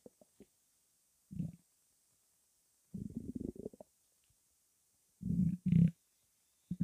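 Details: Loud, non-stop stomach rumbles: irregular bursts of low gurgling and rumbling with quiet gaps between, background music audible; active bowel sounds (borborygmi).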